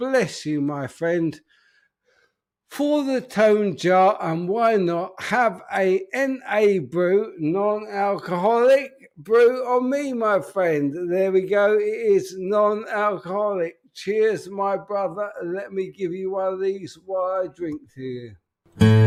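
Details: Adult man with an upper motor neuron disorder affecting speech, progressively more evident and currently worse; real, unacted live speech showing spastic dysarthria.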